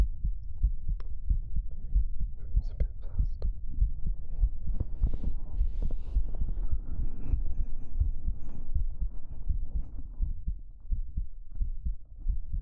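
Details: Steady low, muffled heartbeat thumps heard close up, with soft fabric rustle and hum, in a 3Dio binaural ASMR hugging roleplay; an ordinary heartbeat.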